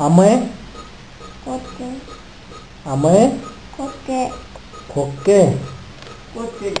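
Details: Speech of a boy with cerebral palsy who received stem cell treatment; his mother reports his speech has improved and he now says some things.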